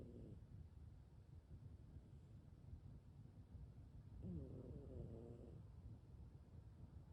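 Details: Sleeping cat snoring with one eye open; soft, low, buzzing snores with one clearer rising tonal snore over a steady low background rumble; ordinary feline snoring.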